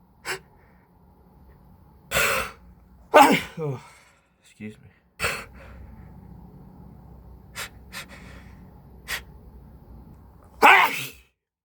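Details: Allergy sneezing: repeated sneezes, each preceded by an audible gasping build-up, with quiet breathing between.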